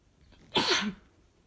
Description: More allergy sneezes from my boyfriend